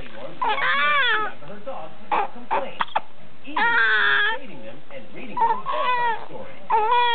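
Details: Infant: bursts of high-pitched crying with sobbing breaks between them. An ordinary infant cry.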